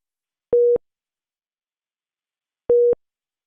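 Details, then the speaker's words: Philips HeartStart XL+ monitor/defibrillator low-priority alarm for a device problem or error, such as an SpO2 non-pulsatile message, shown on a cyan background: two short, identical mid-pitched beeps about two seconds apart. "low priority alarms usually indicate a device problem or error condition such as this spo2 non-pulsatile message and they appear in this cyan background and sound like this"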